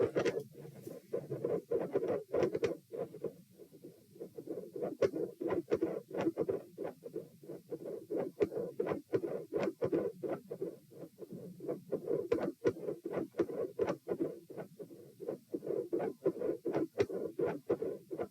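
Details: Heart sounds recorded at position P, second test, mostly quiet with intensity increase at the end, rate 90-72-96-90-102 bpm; pronounced respiratory phasic variation of beat spacing persisting despite provoking manoeuvres.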